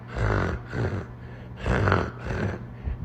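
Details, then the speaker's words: A doctor imitates a child's congested breathing, with low, rattling, snorting sounds in a slow in-and-out rhythm. This is upper airway congestion from mucus, spit or teething drool in the back of the throat, described as normal. "very flimming. That's mucus in the back of their throat or maybe even spit, slobber if they're drooling, like when they're teething."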